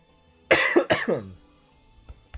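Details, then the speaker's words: Adult streamer with a strained, spent voice gives two quick, harsh coughs, the second trailing into a voiced throaty sound; speaker says it is the throat, not a clogged windpipe. "No, that is my throat. That's not even like my windpipe being clogged or anything. That is just my throat."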